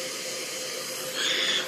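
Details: Steady hissing rush of airflow, rising slightly toward the end, from a Hillrom MetaNeb airway clearance device with a disposable circuit and nebulizer cup, run before the mouthpiece is attached to check pressure, targeting about 20 cm H2O.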